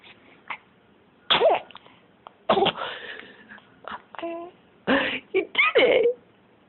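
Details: Awake baby boy playing and being tickled, then a small, sudden infant sneeze among short bursts of babbling.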